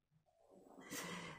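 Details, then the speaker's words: A single rising, noisy, rattling breath from a small pet dog, a brief snore during sleep. "vous entendez c'est mon petit chien qui ronfle je vous jure que c'est vrai"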